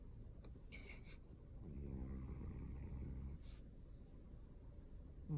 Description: Rebel the snoring cat